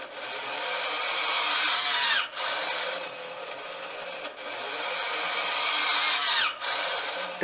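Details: Steady mechanical whirring with a rising whine and brief drops about every four seconds: Arduino-controlled servo-driven automated bag-valve-mask (Ambu bag) ventilator cycling at maximum tidal volume.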